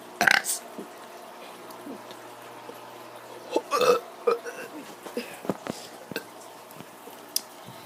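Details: Child voluntarily producing a few deliberate, throaty burps against steady room noise, with short voiced bursts between them; burping.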